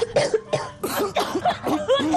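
Several short, harsh acted cough bursts from an adult, followed by tonal voiced sounds with an advertisement-style sound bed; a cough.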